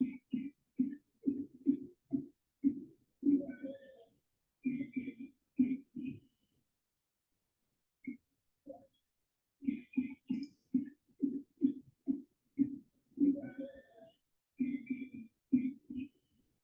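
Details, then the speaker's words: Example recording played during a pediatric respiratory illness webinar: rapid runs of repeated coughs, so hard that a deep breath can't be taken, with brief high-pitched indrawn breaths between bursts: whooping cough (pertussis) paroxysms. "Yeah, basically it's that paroxysm of cough. Kind of like when you're choking on something and you're just coughing so hard that you can't even get in a deep breath."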